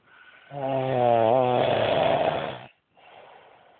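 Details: Adult man (husband) snoring badly in sleep: loud, drawn-out rattling in-breath with a tonal, vibrating quality, then a softer out-breath; heavy snoring.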